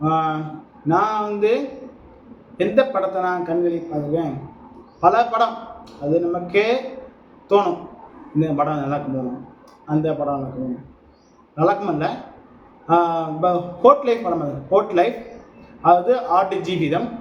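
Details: Adult Tamil-speaking man who says he stammers, speaking with some stammering in a speaking-practice video for a stammering support group, repeating a phrase; stuttering.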